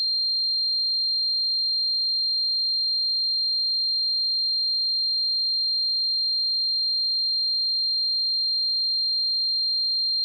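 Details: Tinnitus sound effect simulating what tinnitus is like: a continuous high-pitched tone, meant for headphones.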